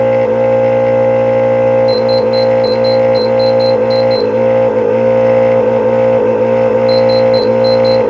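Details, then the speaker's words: Transport ventilator switched on with no oxygen source attached, so it runs on its internal air compressor: a loud, steady droning hum with faint repeating high beeps from alarms, as high and low pressure alarms are not yet set; compressor noise. "So that's the noise it's going to make because it's using the compressor."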